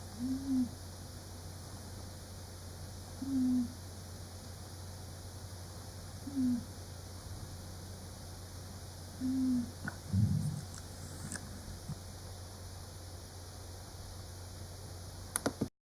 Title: Pinky snoring